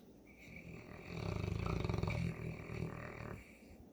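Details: Sleeping St. Bernard dog, owner says allergies are hitting her hard, snoring: a deep, rumbling, fluttering snore on a long breath in, then a quieter breath out.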